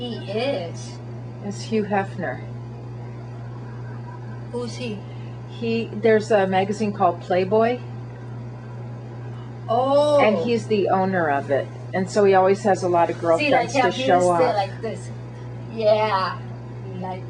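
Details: Adult woman speaking; normal adult speech.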